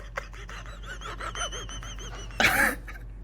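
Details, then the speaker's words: Man with bronchitis for the last six months, recorded on a podcast, others unsure whether he is wheezing: high whistling tones through labored breaths, then a harsh rushing exhalation or cough, wheezing. "is he wheezing? I don't know. Because I've had bronchitis for the last 6 months, man."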